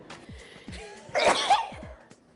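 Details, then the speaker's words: Person with allergies who avoids medication sneezes: a single sharp sneeze over background music; an allergy sneeze. "one more time no i have allergies and i don't want to take any medicine yeah because it dries you up"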